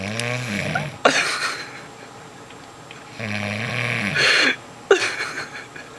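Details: Sleeping man who snores a lot: two loud, rough snoring breaths with a buzzing, vibrating in-breath tone, separated by quieter pauses; ordinary snoring.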